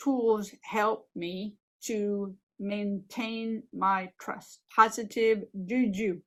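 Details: Adult woman with aphasia and apraxia of speech after a stroke 15 years ago, speaking in a recorded presentation; aphasia with apraxia of speech.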